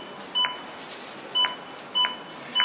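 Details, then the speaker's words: AED Plus metronome beeps pacing chest compressions at 100–120 per minute during a demonstration; regular short electronic beeps over room noise. "chúng ta nghe tiếng beep, tức là tần số ép để đảm bảo 100 đến 120 nhịp một phút."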